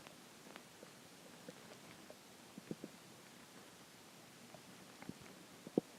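Faint, scattered gurgles and pops from an adult stomach in a quiet room; ordinary hunger growling.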